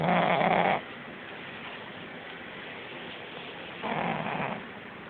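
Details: Sleeping pug snoring: two loud, rattling snores with quiet pauses between them.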